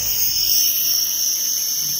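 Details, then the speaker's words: Continuous high-pitched whine of a home nebulizer compressor switched on with medicine in the chamber and face mask worn; vapour inhaled through the mouth, breathed out through the nose. "अब इस face mask को पहनेंगे और यहाँ एक switch दिया हुआ है, इसे ऑन कर देंगे। अभी हम इसे ऑन कर देते हैं।"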